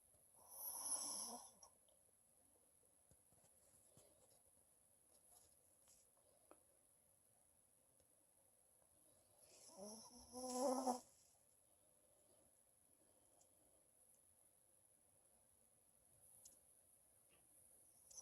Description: Japanese Chin resting and snoring.